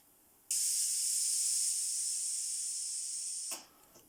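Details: Low-cost mechanical ventilator prototype for COVID-19 under pressure testing: a single steady, high-pitched hiss of gas flow as the pneumatic valve opens, then shuts off abruptly.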